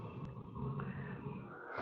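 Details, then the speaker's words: A low, rough, rumbling grunt-like sound throughout, in a small indoor room; the speaker is unsure whether the dog is snoring; probable dog snoring. "No sé si el perro está roncando, no sé si se escucha, pero bueno."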